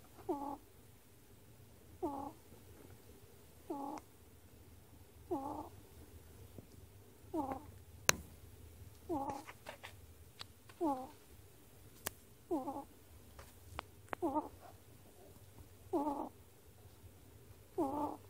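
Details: Pet ferret snoring while asleep: regular soft, squeaky snores, about 35 per minute, in a quiet room.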